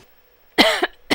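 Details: Normal voluntary cough from an adult woman, a teacher and public speaker with hoarseness and short phonation time, recorded during a laryngeal voice assessment battery.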